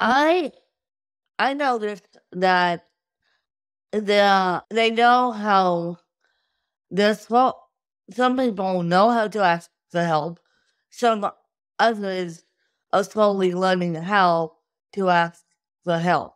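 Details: Adult woman with cerebral palsy since birth from lack of oxygen at birth; wheelchair user with difficulty speaking, sitting up and eating, and easy fatigue; dysarthria (cerebral palsy).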